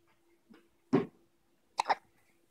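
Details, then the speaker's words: Hiccups: two brief, abrupt gulping bursts about a second apart, with a softer one before, in a quiet room. "There you go. Get rid of all those hiccups."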